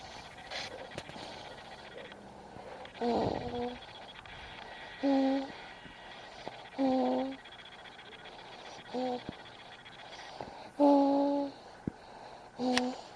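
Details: Snoring while asleep in a baby carrier: short, whistling, high-pitched nasal snores about every two seconds against steady room hum.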